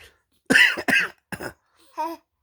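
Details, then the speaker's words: A young child imitating her father's coughing: three short, dry coughs in quick succession, then a brief high child's voiced sound, in a quiet small room; the father had been coughing from an itchy throat. "Ba đừng ho nữa. Ba ngứa cổ ba ho chứ tự nhiên con ho theo."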